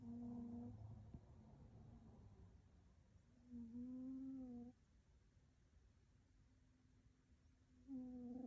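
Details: Pet cat asleep: snoring.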